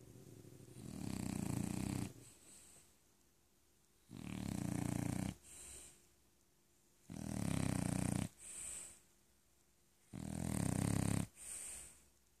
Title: Snore snore snore